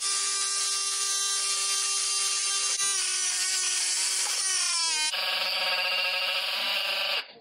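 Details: High-pitched motor whine that drops in pitch under load, then steadies: a powered saw resecting the unhealthy distal end of a very short residual femur (under 13 cm) during osseointegration surgery after traumatic high above-knee amputation.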